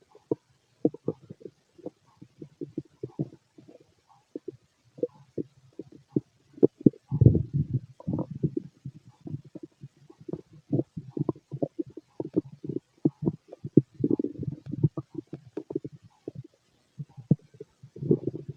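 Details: Male's stomach growling: frequent gurgles, clicks and rumbles from the belly throughout; active, normal bowel sounds (borborygmi) of a healthy digestive system.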